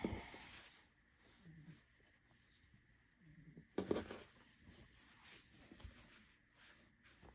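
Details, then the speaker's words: Cat snoring while sitting on a couch: soft, low rumbling snores about every two seconds in a quiet room, with brief handling noises. "I'm sorry if you can hear my cat snoring he's sitting on the couch outside of me and he's just he's loud when he snores"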